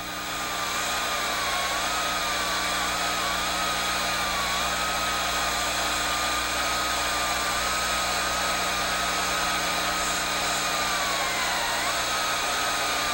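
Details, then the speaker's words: Low-speed dental handpiece with large round bur removing residual caries with light brushing strokes in a mandibular left second primary molar with gross carious lesion, under rubber dam, during stainless steel crown preparation; continuous high whine with slight pitch dips under load. "Then use a large, round burr in the low-speed handpiece to remove the caries that hasn't been removed by the preparation itself. Use light brushing strokes to avoid inadvertently exposing the pulp."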